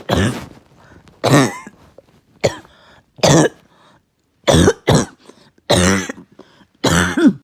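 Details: Uncontrollable, really bad barking cough at night: harsh, loud barking coughs in repeated bursts, each followed by a brief strained breath.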